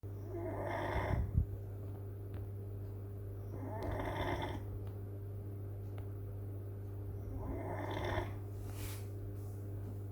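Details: Rough, rattling snores from a sleeping old beagle, three breaths in ten seconds, over a steady low hum.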